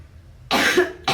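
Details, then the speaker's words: One harsh cough burst, then the start of another, from a woman ill for a week with a hoarse voice, fever and itchy throat, during a prank of coughing up blood; cough possibly exaggerated. "Kok batuknya belum sembuh sih sayang? Tahu nih. Nyaman? Apa? Mau minum nggak? Gatel, tenggorokannya."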